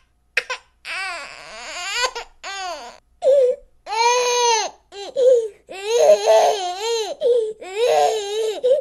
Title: TOUCHING 10 Hours of a Child's Cry: Rivers of Tears and a Ten-Hour Emotional Stream of Crying #asmr